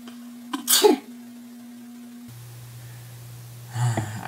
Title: The Big Sneeze!!!